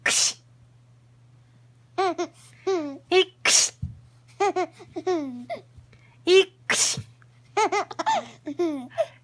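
Two short, high infant sneezes amid cooing and babbling sounds. An ordinary baby sneeze.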